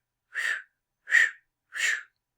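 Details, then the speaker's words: Lecture vocal imitation, not a real recording: three short breathy whooshing sounds mimicking a mitral regurgitation murmur, blood leaking back into the left atrium when the mitral valve fails to close during ventricular contraction. "this mitro regurgitation so this would happen if the mitro valve doesn't close all the way"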